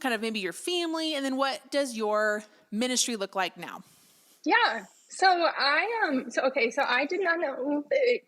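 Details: Adult women in conversation; typical voice.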